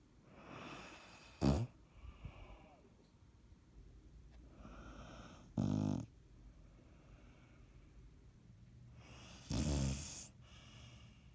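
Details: Three loud, low snoring bursts a few seconds apart, with softer breathing sounds between them; snoring during sleep.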